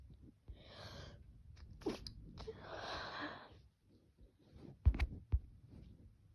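Hissy breaths and a sharp burst, then sniffles; a sneeze with snuffling in a quiet room.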